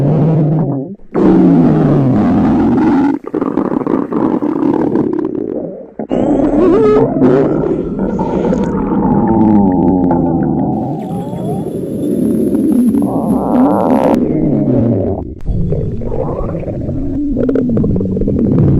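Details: Girl dieting and hungry: long, loud, low gurgling and rumbling with groaning pitch sweeps, hunger-related stomach growling, a normal bowel sound.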